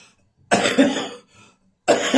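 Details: Two harsh, chesty coughs from an adult with a brief breath between, on Christmas morning; bronchitis cough.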